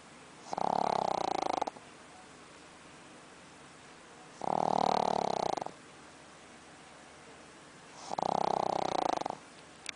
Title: Pug Snoring